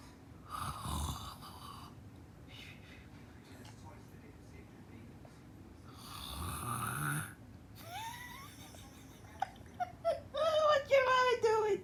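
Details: A woman snoring while asleep: two loud, rough snores, each about a second long, in a quiet room, followed by the dog Peanut whining and yelping in reaction; snoring.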